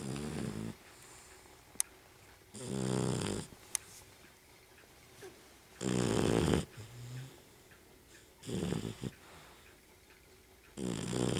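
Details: Dog named Daisy snoring loudly while asleep: loud rattling snorts, each followed by a quiet pause, roughly every two to three seconds.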